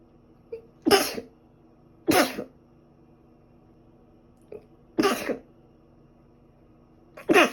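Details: Four sharp, explosive sneezes, some with a small intake before, in a quiet room; from a two-day record of sneezing thought probably due to dust allergy, alongside a recent cold with ongoing cough and runny nose.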